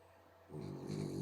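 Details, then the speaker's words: Snoring of a French bulldog. "can you hear that snoring is that funny that's a French bulldog snoring you guys"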